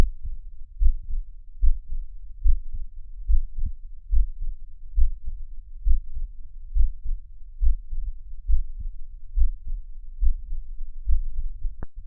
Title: Comparison:Heartbeat:Animals Heartbeat|Incredible Human Heartbeat❤️❤️ Sound|Human Heartbeat Sound.